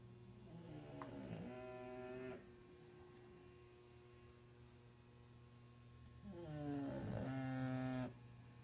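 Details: Snoring from a sleeping bulldog: two long, loud, buzzing snores on breaths in, separated by a quiet stretch of breathing.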